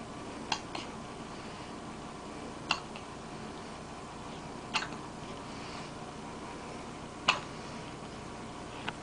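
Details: Person with hiccups: five soft, sharp hiccups about two seconds apart over a steady room hum; ordinary hiccups.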